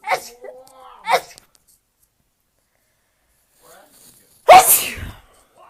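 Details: Two quick sneezes, a pause, then one loud forceful sneeze with a burst of air, from a person sneezing from laundry-room dust; sneezing.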